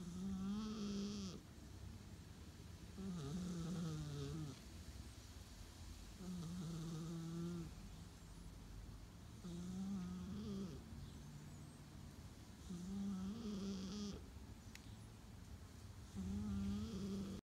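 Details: Regular low, buzzing snores with each breath, about 19 a minute, over a steady background hum; snoring.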